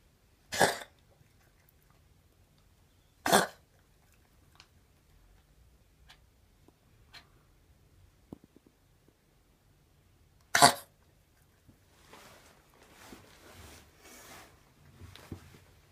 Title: Coughing